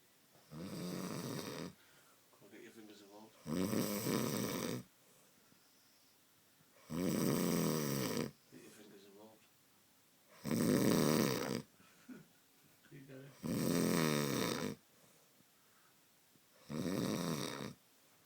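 Loud, rough snores about every three seconds, with fluttering sounds between some of them. Heavy snoring.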